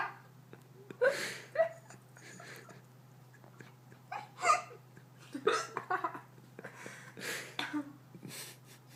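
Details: Hiccups: several short, sharp gulping sounds at irregular intervals in a quiet room.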